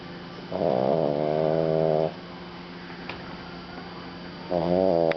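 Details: French bulldog fast asleep: loud, tonal, buzzing snores from a flat-faced dog, with quiet pauses between breaths.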